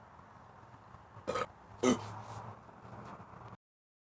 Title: Burping for 1 minute